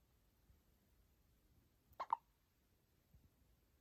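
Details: Newborn baby girl with hiccups: one brief double hiccup sound in a quiet room with faint background noise.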